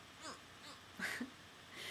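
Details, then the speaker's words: Person diagnosed by a neurologist with chronic tic disorder: brief breathy gasp with a short voiced catch, imitating the noise from full-body tic spasms that leave the person unable to breathe briefly. "and then something about I can't breathe for a second until I'm done, so that's kind of, like, it kind of wins me. So, yeah. So I go, that's what makes me make that stupid noise."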